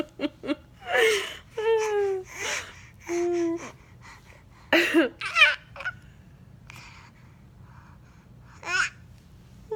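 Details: Brief abrupt catches of breath mixed with giggling and laughing from a baby with repeated hiccups.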